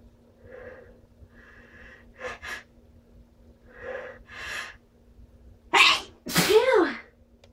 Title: strong sneezes with buildups